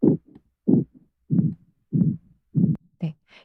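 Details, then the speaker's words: Simulated pulsatile tinnitus: rhythmic whooshing thumps at about 97 per minute in time with a quickened heartbeat. "그다음 박동성이명 나의 심장 동이랑네 이런 소리가 어 박동이 빨라진 거죠"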